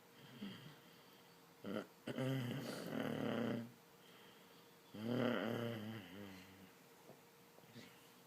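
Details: Mother snoring while being asked questions: two long, rough, groaning breaths with a moaning tone, separated by quiet pauses, in a quiet room.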